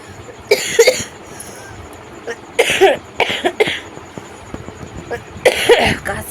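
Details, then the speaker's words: Adult with a heavy cold and severe cough, taking medicine and feeling better: several harsh, hacking cough bursts without rattling, some in quick pairs; dry cough. "আর সর্দিটা থেকে বড় কথা কি, প্রচণ্ড কাশি, কাশতে কাশতে আমার মানে জীবন বেরিয়ে যাচ্ছে, এত কাশি।"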